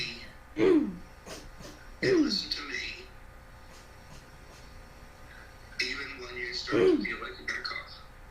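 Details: Sounds of habit cough (somatic cough syndrome), a chronic daytime cough that disappears during sleep and returns on waking, lasting up to 5 years in these patients, recorded before treatment.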